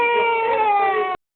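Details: Baby crying: a single short, steady, high-pitched wail of just over a second, then silence.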